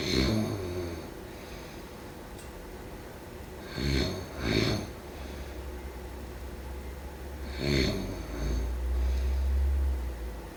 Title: Snoring sound … #4